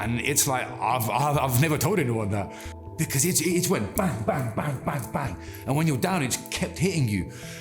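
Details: Adult man with stuttering since childhood that has not stopped in adulthood; he reports anxiety and stress make speaking harder and that he can control it by slowing down and taking a breath.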